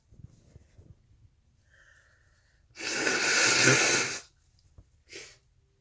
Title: Snotty hanky sneezes 🤧🤧🤧